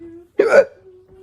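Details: A single abrupt, voiced hiccup with a sharp catch against a faint steady background tone; the person says they hiccup oddly and that the hiccups don't go away.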